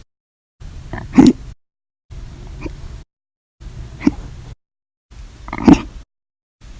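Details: Violent, loud hiccups in a series recorded 7/26/19–7/31/19, each episode lasting hours after meals and soda: abrupt, sharp gulping sounds every one to two seconds, each a sudden caught breath.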